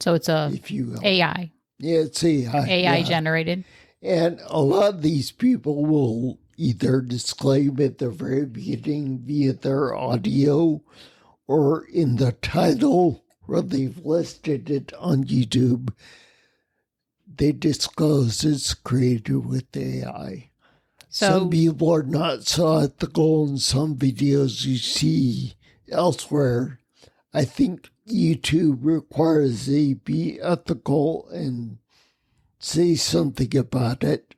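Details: Ataxic dysarthria in a man with spinocerebellar ataxia, a rare neuromuscular disease that has also caused mobility challenges and noise-induced anxiety; he has lived with these disabilities for over 20 years.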